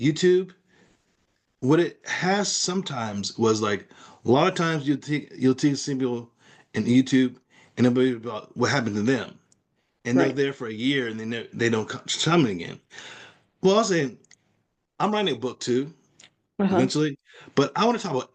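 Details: Person with aphasia caused by a stroke; aphasia.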